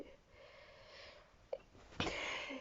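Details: Person reading a short story aloud in English, interrupted by sneezing: a quiet in-breath, then one abrupt, noisy sneeze burst with a short trailing hiss in a small quiet room.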